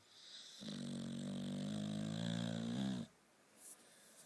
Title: the dog snoring